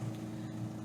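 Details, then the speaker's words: Steady low mechanical hum with faint rhythmic pulsing from a home oxygen concentrator running in the background, used by a patient with COPD. "And that noise in the background is my oxygen concentrator."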